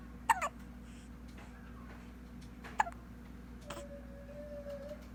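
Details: A baby hiccupping: two sharp, short catches a few seconds apart, with a faint whimper, over steady room hum.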